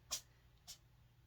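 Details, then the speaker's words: Two faint, quick, hissy bursts about half a second apart, small sneezes from a pet, who then sniffs at things. "you guys hear that it's bernard sneezing bless you baby you okay beans"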